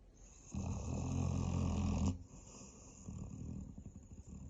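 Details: Tired Bracco dog snoring: one low, rough fluttering snore, then quieter rattling breathing.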